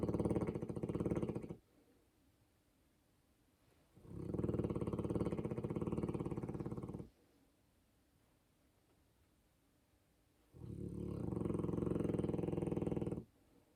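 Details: Sleeping Polish Tatra Sheepdog (Polski Owczarek Podhalański): loud, rattling snores on each inhalation, about 6 breaths a minute, with quiet pauses between, ordinary dog snoring.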